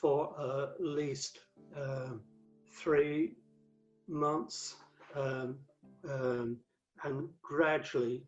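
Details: Adult male stroke survivor, five strokes between 2007 and 2015; the 2013 stroke left him paralysed with aphasia affecting word fluency and vocabulary retrieval; non-fluent aphasia.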